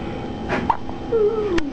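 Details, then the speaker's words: One-week-old baby boy born 7 weeks premature, with hiccups: two brief, abrupt catch-like sounds with a faint squeak between them over a soft room background. "He's got the hiccups."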